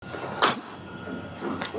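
A sudden loud hissing burst of air, then a fainter second burst; sneezing.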